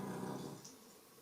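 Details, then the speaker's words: A single low, rumbling snore from a dog sleeping nearby fades within about half a second, followed by quiet room noise: snoring. "alors si vous entendez du ronflement c'est mon chien voilà désolé il est juste à côté j'espère que ça va pas vous déranger tout au long de la vidéo"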